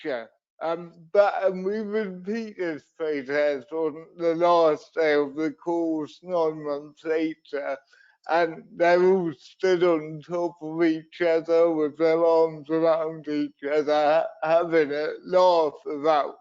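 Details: Adult man with cerebral palsy, a brain injury sustained through an accident at birth, which he says also leaves him wobbly and unsteady on his feet; dysarthria (cerebral palsy).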